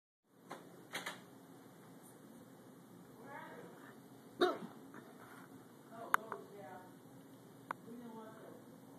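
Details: Hiccups recorded in a hotel: several abrupt, brief catches of breath spaced seconds apart over faint room noise.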